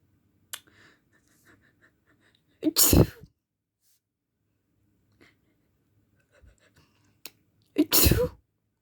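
Two forceful, explosive sneezes with brief in-breaths before each, otherwise quiet room: ordinary sneezing.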